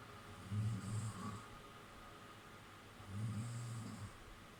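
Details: Sleeping girlfriend snoring while horror film watched: two low, buzzing snores on breaths in, about two and a half seconds apart, over steady room noise.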